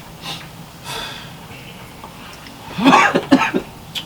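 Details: Faint breathy sounds, then a quick run of about three coughs from an unidentified person during a chat recorded in cold Lembang; cough.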